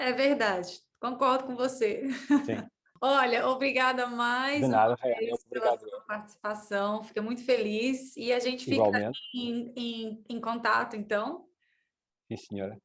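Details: Adult female interviewer who says she stutters, speaking Portuguese; stuttering.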